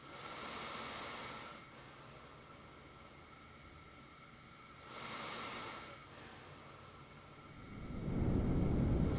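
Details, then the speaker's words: Steady hiss with soft, slow swells of CPAP inhale and exhale airflow, masked by white noise so breathing sounds even out. "take your white noise and bump it up to 34 DB it so it's slightly louder than this and that's going to even out the entire cpat process so you're not going to hear the inhales and exhales inhale Exel"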